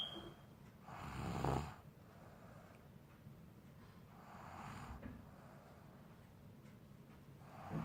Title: Snoring baby